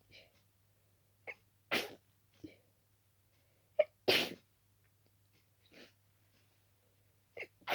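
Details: Sneezing at night by a sleepy person whose nose suddenly started itching, possibly from dusting the room before bed.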